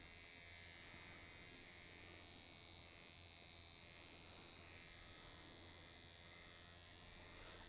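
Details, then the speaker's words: Steady high-pitched electric buzz: microneedling pen at 0.25 mm dry-needling facial scars, no glide, causing erythema without bleeding outside the scar; micro-pricking described as painless, like gentle scratching of the skin. "Micro prickling is not painful. It's more like a gentle scratching of the skin."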